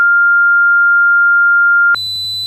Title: Tinnitus Sound Test , What Does Tinnitus Sound Like?